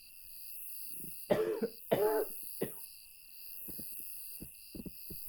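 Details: Coughing fit at 2 a.m. in a motel room, described as a barking cough, heard through a thin wall: a few muffled, harsh coughs, then fainter coughs, over steady insect chirping.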